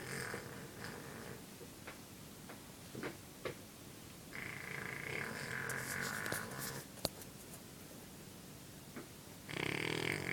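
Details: Dog lying on his back asleep: noisy, rasping breaths in and out, with a hissing snore on longer breaths, in a small room with faint background noise; dog snoring.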